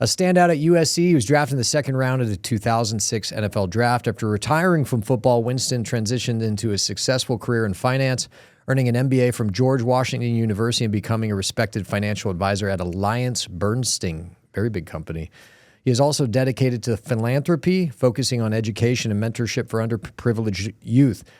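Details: Adult man speaking; normal speech.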